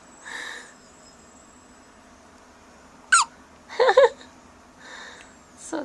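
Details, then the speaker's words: Pet called "baby" with hiccups: about five brief, irregular, squeaky jerks of breath in six seconds, fitting hiccups in a small animal. "hey baby you have the hiccups baby with hiccups"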